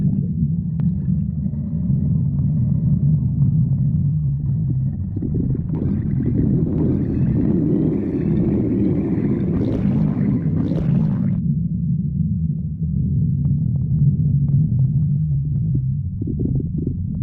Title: stomach growling 7